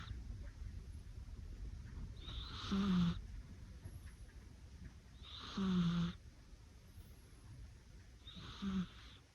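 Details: Sleeping cat snoring: three soft, rattly snores at about 20 breaths a minute, with quiet breathing between.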